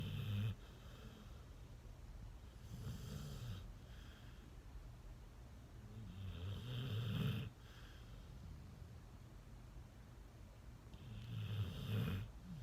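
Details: A sleeping shelter dog snoring: soft, low, rumbling snores, about three breaths over twelve seconds, with a steady background hiss; snoring.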